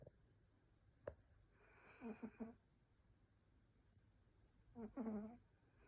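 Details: Two soft, fluttering rattles on the breath about three seconds apart, with quiet room noise between: snoring from a sleeping animal.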